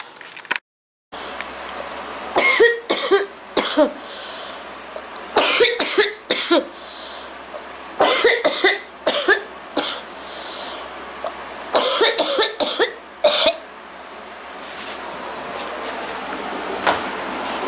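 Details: Acted, simulated sequence of about a dozen short, harsh coughs in clusters by a girl imitating a bad cold with runny nose; cough with a common cold.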